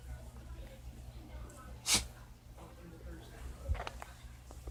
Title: Dog sneezes from being pet